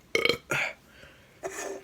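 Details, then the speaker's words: Two loud, rough belches in quick succession, then a softer voiced sound, while trying to drink a whole can of Pepsi without burping. "well it is empty only burp tries two little burps no problem"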